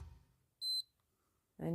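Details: Single short high-pitched beep from a digital thermometer ending a reading, taken by a person who still has wheezing and phlegm but no fever; readings of 99.6 and 97.5 are spoken.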